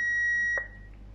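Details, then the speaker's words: Defibrillator switched on in AED mode during a shift/weekly equipment check demonstration: a steady high electronic tone stopping after about half a second, the AED power-on beep. "Then first thing she will do is switch on the machine to AED."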